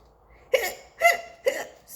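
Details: Three abrupt, evenly spaced voiced hiccup sounds, each a short catch of breath, acted for a skeleton character during a read-aloud of a children's picture book; simulated cartoon hiccups.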